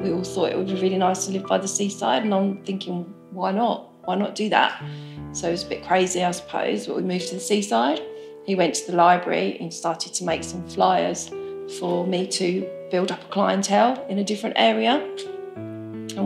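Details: Adult woman speaking; Normal fluent speech.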